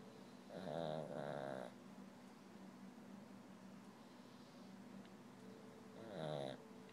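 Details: A woman snoring in sleep without waking herself: two rumbling, tonal snoring breaths a few seconds apart over steady room hum.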